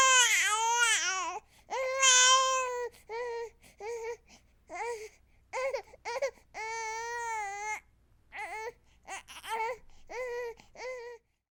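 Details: A newborn baby cries in repeated high-pitched bursts with brief breaths between them; a sound-effect recording.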